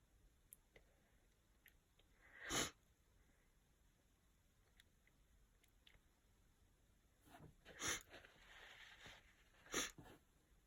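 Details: Sniffly cold for a few days: quiet sniffing followed by three sharp sneezes in about ten seconds, fitting congested head-cold sneezing.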